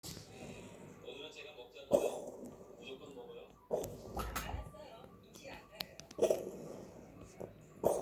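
Quiet, repeated short hacking bursts roughly every two seconds over room noise; a cat's cough.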